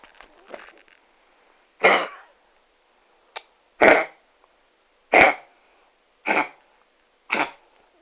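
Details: Dog with kennel cough, tail wagging, early morning: five harsh, dry hacking coughs in a row.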